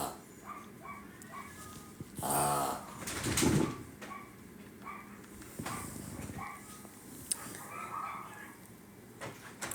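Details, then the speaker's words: A dog gives two loud, snorting, trumpet-like honks through the nose: reverse sneezing episode, said to be common in her breed. "That's what it sounds like when she sneezes. Reverse sneezing. It's common in the breed."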